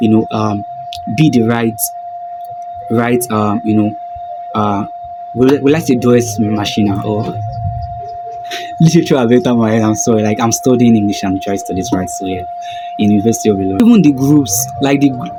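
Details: Stuttering in a self-described stammerer, with a broken word and a repeated word.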